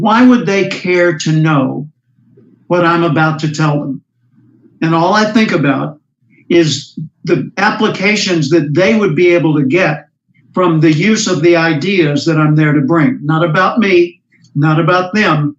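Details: Adult male speaker; normal speech.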